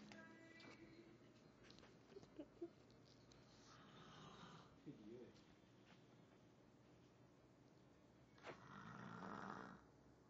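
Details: Snoring of a person sleeping in an office, recorded for fun by coworkers.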